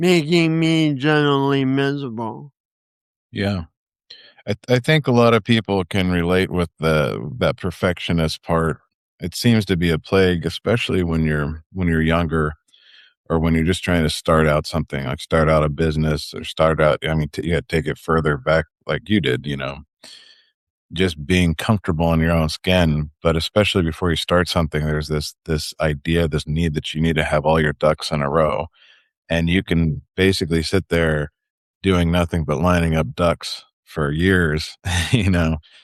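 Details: Adult male speaker; normal conversational speech.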